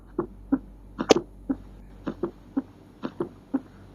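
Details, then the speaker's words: Stethoscope bell auscultation at mitral area: regular heartbeat near 60 a minute with soft extra sound late in diastole just before each first heart sound; fourth heart sound (S4). "Bunyi jantung S4. Dengarkan dengan sungkup atau bel stetoskop pada area mitral. Bunyi terdengar saat mendekati akhir diastul sebelum bunyi jantung pertama."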